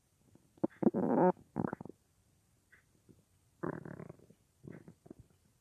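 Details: Irregular gurgling, bubbling bursts and a longer rumble at night from a person lying on their left side, recorded by a phone or a mic pressed against the belly, an hour after soup with little eaten that day; ordinary borborygmi.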